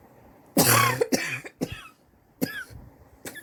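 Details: Own cough, recorded over several weeks; sore from coughing, suspects bronchitis but unsure, chest x-ray planned to check for pneumonia: a burst of about five harsh, rattly coughs with a hoarse, wheezy tone.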